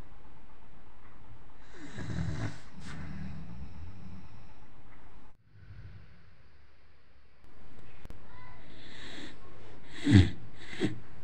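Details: Snoring competition involving a father: irregular low rumbling snores and a few snorting breaths, broken by a short quiet gap.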